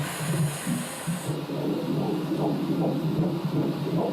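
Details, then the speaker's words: Normal fetal heartbeat heard on ultrasound during a pregnancy scan, in a pregnancy following the couple's previous loss of a baby: rapid, regular whooshing pulses at about 154 a minute; the baby is a girl. "Entendre le cœur du bébé, ça peut paraître anodin mais pour un de Sophie et Steven, ce simple battement relève du miracle."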